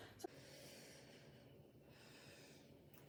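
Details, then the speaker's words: Head-to-toe assessment, chest auscultation over bronchovesicular and other sites: lungs clear, no adventitious sounds such as crackles or wheezes. Finding: normal breath sounds. "lungs are clear to auscultation no adventitious living sounds such as crackles are wheezing to be noted"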